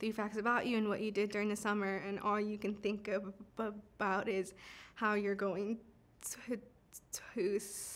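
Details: Adult woman who stutters, telling her personal story; stuttering.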